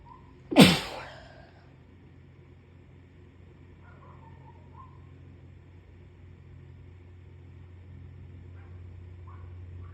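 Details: A single sharp, explosive sneeze from a puppy with a cold, followed by quiet over a steady hum; sneezing.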